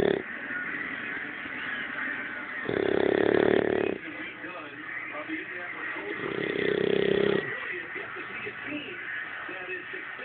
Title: Bulldog snoring